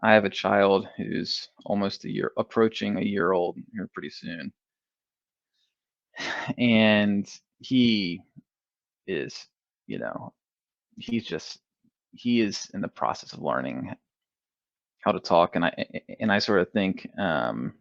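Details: Adult male who has stuttered since early childhood, first noticed in first grade, now in the MPI2 therapy program; repeated part-words and whole words heard: stuttering.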